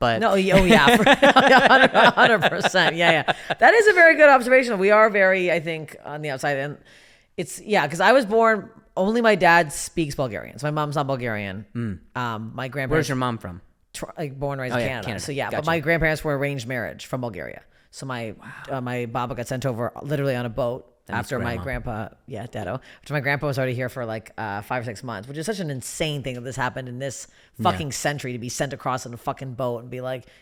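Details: Adult woman speaking; typical speech.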